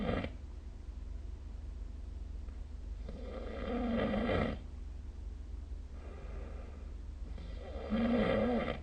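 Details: Snoring recorded with a phone snoring app: loud, rough, rattling inhaled sounds about every four seconds (around 14 breaths a minute), with softer breathing between, over quiet room noise.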